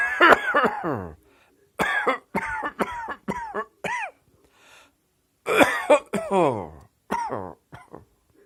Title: Pyjama Cough